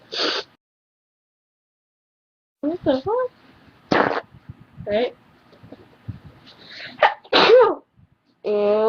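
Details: Repeated loud sneezes with voiced groans and short sounds between, from a sick person complaining of headache and sore nose, with green nasal mucus.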